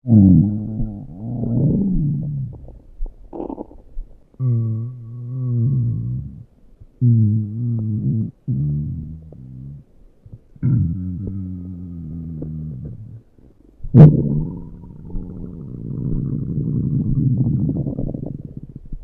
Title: my stomach growling